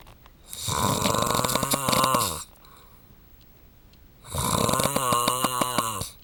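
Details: Adult husband snoring during sleep, partner hoping he will attend a sleep clinic: two loud, long, fluttering snores on the in-breath, roughly four seconds apart, quiet room between; heavy snoring.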